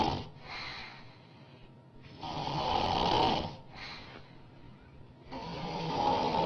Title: Woman Snoring loud